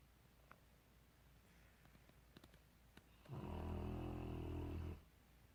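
One deep, vibrating snore lasting under two seconds after quiet breathing, with low fluttering rattle; snoring.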